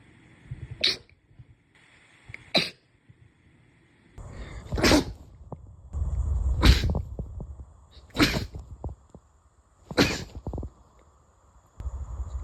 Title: sneeze 91-100